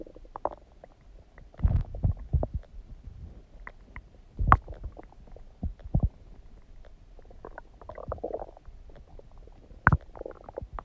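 Irregular low gurgles, squelches and brief rumbling bursts with quiet gaps between them: ordinary stomach gurgling, active bowel sounds.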